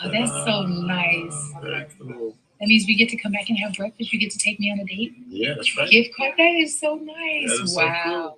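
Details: Adult speaker, possibly female; normal speech.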